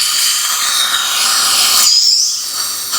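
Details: Steady high-pitched whine of a dental drill running continuously, briefly changing pitch near the end: drilling the osteotomy for an immediate implant replacing a fractured front tooth in an aesthetic zone.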